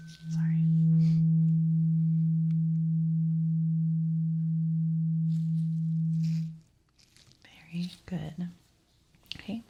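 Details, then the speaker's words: Role-played ASMR ear exam, simulated: a steady low hum of a struck tuning fork lasts about six seconds, then fades to soft handling sounds, in a hearing test; the listener, eyes closed, says which ear hears it. "Now, tell me what ear you hear the tuning fork."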